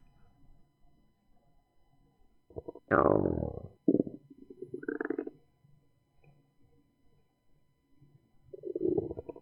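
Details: Normal bowel sounds heard through a stethoscope moved clockwise around the abdomen during a nursing primary assessment: irregular gurgles and clicks.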